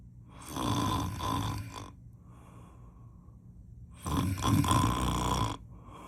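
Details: Two loud, rough, rattling snores on breathing in, separated by a quieter pause, typical of adult snoring, before using a nasal breathing strip.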